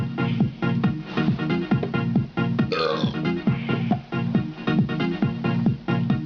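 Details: A deep, drawn-out burp heard over loud electronic music with a steady beat; burping.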